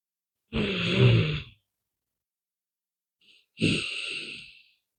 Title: NAP SHORT SNORING